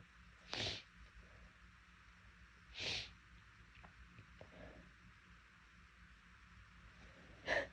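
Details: Deliberately induced sneezes from a person whose nose was bothering them, bigger than expected: three short, hissing bursts spaced several seconds apart over a quiet background. Sneezing.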